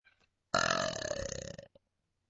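A single long, loud, rumbling belch lasting about a second, then a short tail sound; an ordinary burp.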